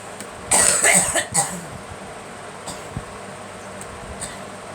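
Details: A girl's quick run of about three harsh, loud coughs, followed by quiet room noise with faint small sounds: cough.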